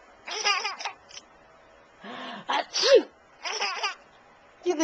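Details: An adult's sneeze sets off an infant's laughter: a quick adult sneeze amid bursts of the infant's giggling.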